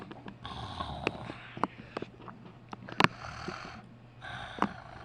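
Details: Pet sleeping on a blanket and dreaming: rhythmic rasping breaths with snorts and sniffing sounds against a low hum; snoring during sleep.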